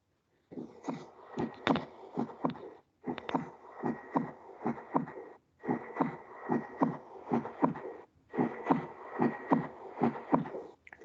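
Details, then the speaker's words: Normal heart sounds from a teaching playback: regular paired S1 and S2 beats about 75 a minute over a steady hiss, with no extra sounds; S2 sounds lower-pitched. "Ahora volvamos a escuchar un sonido normal del corazón, donde van a estar S1 y S2 juntos."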